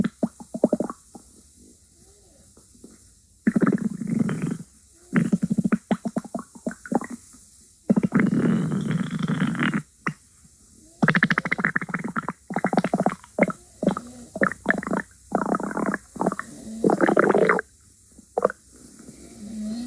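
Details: Stomach growling: loud bursts of gurgling, rumbling bowel sounds separated by quiet gaps.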